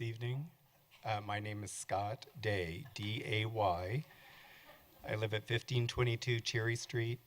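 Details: Adult man speaking; normal speech.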